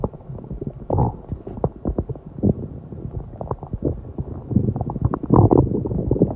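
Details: Repeated low gurgling and rumbling bursts with a stronger growl near the end; stomach growling after a 7-hour fast.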